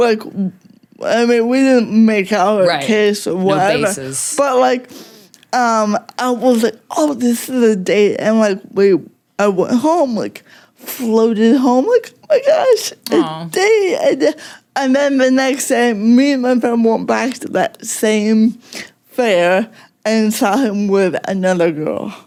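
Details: Adult woman with cerebral palsy that mostly affects her speech, making talking harder, and also affects fine motor skills and slightly her walking, with no mobility aid; dysarthria (cerebral palsy).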